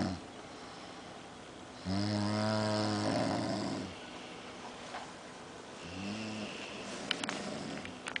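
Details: Two sleepers snoring loudly in unison: deep, buzzy, voiced snores, one long and one short, in a quiet room, loud enough to drown out a movie; snoring.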